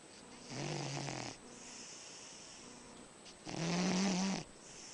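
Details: A dog snoring.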